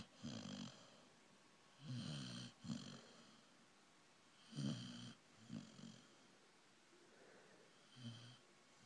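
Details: Quiet, irregular rattling snores, about five over nine seconds, with soft breathing between; a loved one sleeping and snoring.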